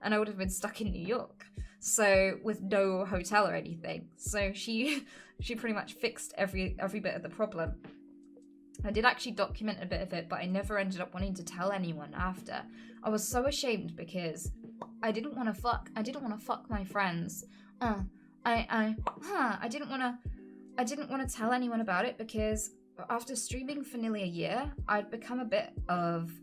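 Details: Woman with Tourette syndrome: involuntary vocal tics including sudden swearing and word substitutions interrupting her speech.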